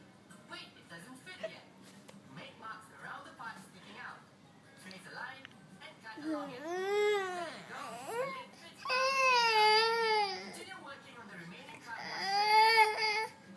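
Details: 6-month-old infant: soft fussing builds into several rising and falling wails, with faint background music and room noise.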